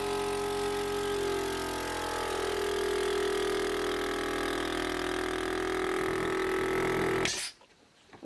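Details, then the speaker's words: Suction machine function test: steady motor hum and whine of the running pump, then it stops; a finger is placed over the port, and the gauge rising shows suction and that the device works. "the gauge goes up it means that you have section in the machine and the device is working"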